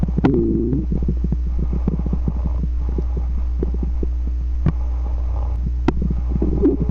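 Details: Stomach growling: a low steady hum with bubbling, gurgling clicks throughout; ordinary bowel sounds, borborygmi.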